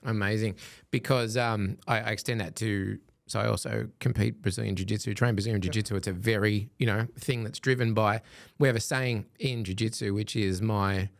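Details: Adult man speaking; Normal conversational speech.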